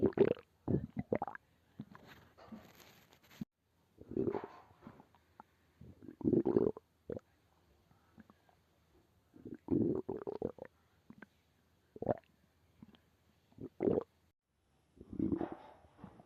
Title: Stomach growl